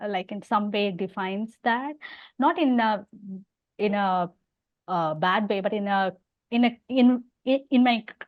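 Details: Adult woman who stammers and also has hearing loss; repetitions and fillers are audible; stammering.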